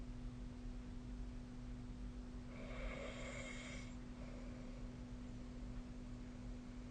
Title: 🐽 いびきの音 / Snoring Sleep Sound 2025/05/28